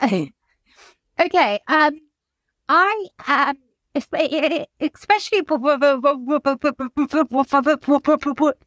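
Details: Adult woman whose childhood stammer recurred after her mother's suicide and six months alone in lockdown; she reports blocks and is in speech and language therapy; stuttering.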